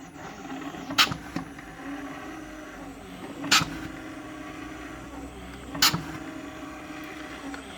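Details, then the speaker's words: Homemade emergency ventilator, not medically certified, squeezing a bag-valve-mask resuscitation bag without a PEEP valve so the bag collapses fully; mechanical hum with a sharp hiss-click about every 2.4 seconds, roughly 24 cycles a minute. "as you can see the bag is actually collapsing all the way like the balloon and if I had a valve that would slow this down a little bit here then the lung of the patient would never be completely collapsing and that's what the p12 is for"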